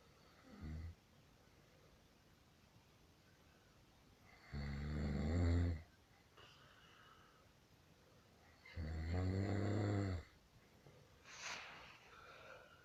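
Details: Husband snoring: loud rattling snores on inhalation, roughly every four seconds, with quiet pauses between; ordinary snoring while asleep in a quiet room.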